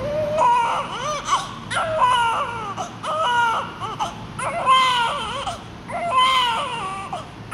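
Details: Loud, strong, rhythmic newborn crying in repeated bursts; a vigorous cry of an active newborn.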